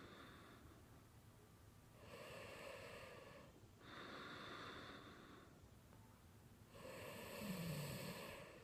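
Soft, noisy breathing sounds in repeated cycles with a rough fluttering quality on some breaths, over a hiss of room noise; snoring.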